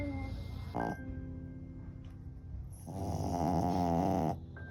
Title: Peter pug snoring 😂#happyhours #dog #cutedog #funnyvideo